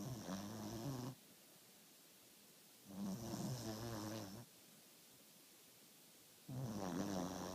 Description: Cold night, snoring away!